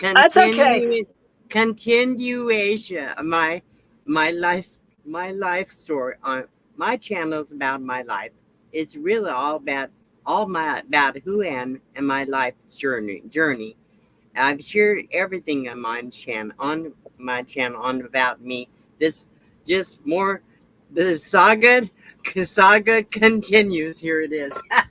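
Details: Adult woman with aphasia after her second stroke, with no paralysis; repetitions and word-finding difficulty are heard.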